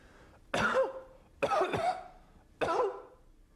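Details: Adult imitating a croup cough (croup commonly from parainfluenza or RSV in children): three harsh, honking, seal-like barking coughs; simulated barking cough of croup.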